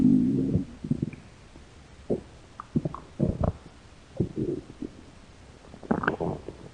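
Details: Hungry stomach growling: irregular gurgling and rumbling bursts from the belly; ordinary hunger gut sounds.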